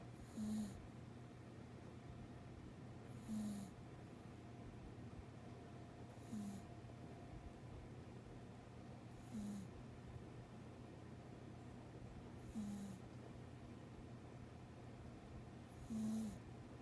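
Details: A dog snoring softly and regularly in sleep after a busy day, about every three seconds over a steady low hum.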